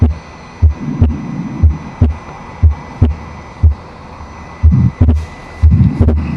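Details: Simulator, about 60 beats a minute: S1, a small crescendo-decrescendo midsystolic murmur, then a split S2 whose gap stays the same on inspiration and expiration, a fixed split second heart sound.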